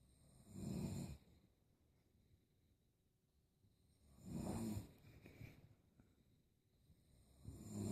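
Two loud, low, rattling snores about three and a half seconds apart, with a third starting, over quiet room noise. Ordinary snoring.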